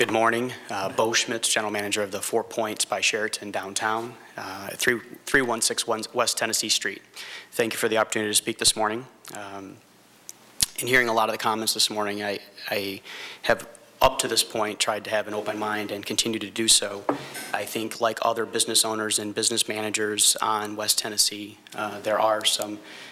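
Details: Adult man speaking at a public meeting; normal speech.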